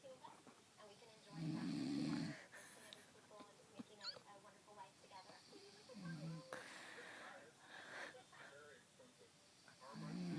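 Low rasping snores at intervals during sleep, with nearby talking in the background.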